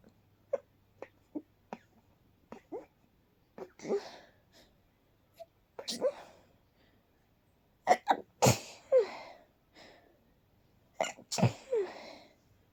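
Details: Quiet, very stifled night sneeze attack, held back so no one woke up: a run of short sharp stifled sneezes with soft breaths between them in a silent room; sneezing fit.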